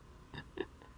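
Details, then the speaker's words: Pet dog sleeping and dreaming beside the microphone during a live session, snoring softly: two brief, soft snorts over quiet room noise. "He's just snoring into the microphone. I love him to death."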